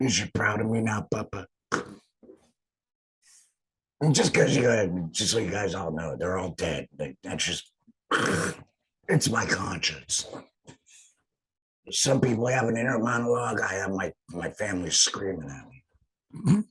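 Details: Adult man, a laryngectomee who has returned to work after total laryngectomy surgery, speaking with an alaryngeal voice; finding: alaryngeal speech after total laryngectomy.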